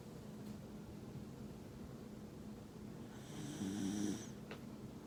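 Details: Shiba Inu sleeping on a lap and snoring: a soft rattling snore over a steady hum of room noise, with a louder snorting breath near the end.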